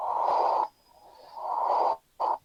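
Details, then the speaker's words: Heart murmur in a cardiac auscultation simulation: flow obstruction turns laminar flow turbulent, producing the murmur. "fíjense ocurre una obstrucción al flujo el flujo que es laminar se torna turbulento y genera el ruido"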